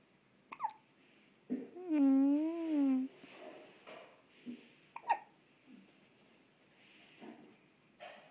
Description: Cute Hiccup after shower